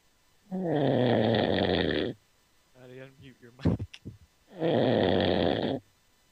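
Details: Man who fell asleep during a Skype call: two long, loud, rough snores on breathing in, with softer snorting breaths between; snoring.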